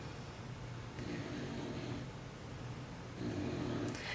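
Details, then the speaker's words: Dog snoring during sleep, recorded in the background while the owner paints; the dog keeps returning to snoring after being shaken and wiggled. "that's my dog snoring I don't know if you can hear Miss Bella Bella is quite the snorer so I apologize"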